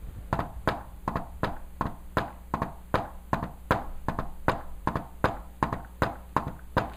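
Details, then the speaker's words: Teaching demonstration, not a patient recording, of the fourth heart sound (S4 gallop): an extra sound just before S1 in a "Tennessee" cadence (S4-S1-S2), so close to S1 it is easy to miss when fast. "Now, S4 is so close to S1 that when I do it really fast, you might not even notice. Look at this. Because it sounds like Tennessee, Tennessee, Tennessee, Tennessee. S4, S4, S1, S2."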